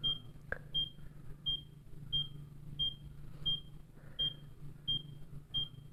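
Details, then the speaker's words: ECG monitor heartbeat beeps from a Checkme Pro device with electrodes attached directly: steady high-pitched beeps, one per heartbeat, regular rhythm at a heart rate of 84 per minute. "तो यहाँ पे आप beep सुनाई दे रही है आपको। तो ECG की जो है वो रीडिंग होने लगी है।"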